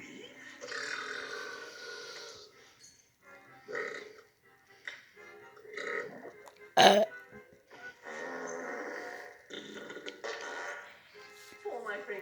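Cartoon burps and gross-out noises mixed with music and voices, ending in a sharp loud burst.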